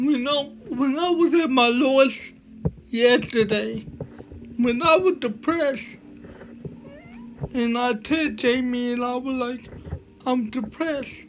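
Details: Man with cerebral palsy speaking with slurred speech that is hard to understand: dysarthria due to cerebral palsy.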